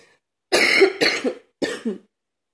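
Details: Man cleaning his truck, watched from a window, with a persistent cough that is not getting better; three harsh, loud cough bursts in quick succession, the first two run together.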